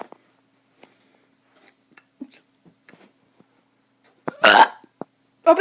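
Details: Child deliberately burping: faint clicks and gulps, then a loud, rough burp, with a second belch starting at the end.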